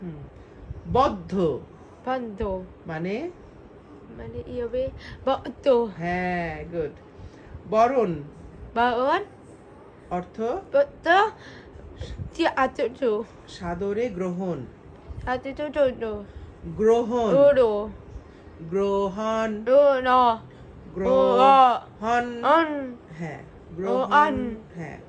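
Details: 13-year-old boy reciting a Bengali poem with his mother, 7 years after receiving a cochlear implant; words repeated during recitation; speech of a child with a cochlear implant.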